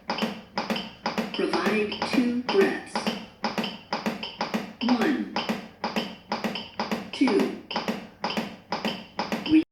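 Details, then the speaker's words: AED in adult mode after a shock was delivered: steady clicking metronome at about 110 beats a minute under voice prompts ("provide chest compressions to the beat"), pacing CPR chest compressions; training demonstration. "Shock delivered. Provide chest compressions to the beat."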